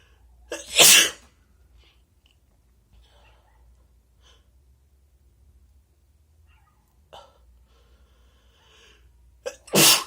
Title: wet sneezes & nose blows + some cough